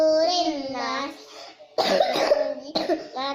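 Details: Young girl's sung recitation of memorised Quran surahs breaks off into a few short, harsh coughs, then the chanting resumes.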